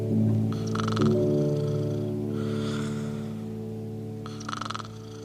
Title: Caesar Sleeping and Snoring to "Rock-a-Bye Baby"